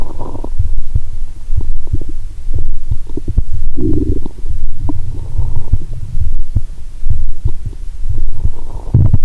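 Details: Stethoscope on the belly while lying down, after drinking much of a 1.5 L cola with Mentos: loud rumbling and gurgling with bubbling surges, no sloshing or popping heard; active bowel sounds.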